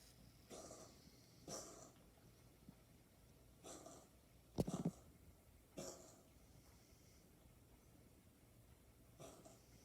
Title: coughing